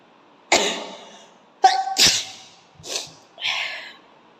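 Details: Sneezing challenge, sneezes deliberately provoked with coir fibre or grass; a run of about four sudden explosive bursts of air through nose and mouth; repeated sneezes in a quiet room.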